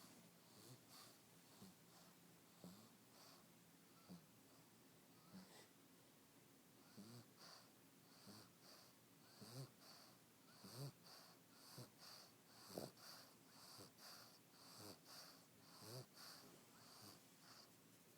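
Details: Fat, lazy pug (flat-faced dog) snoring: quiet, irregular snorting and whistling breaths about 48 a minute with faint wheezy squeaks.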